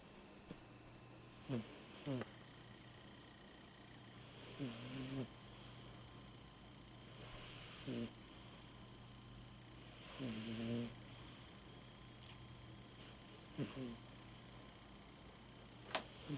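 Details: 17-year-old Siamese cat snoring while asleep: soft, short snores with breathy whistles, about 11 breaths a minute, over a steady background hum.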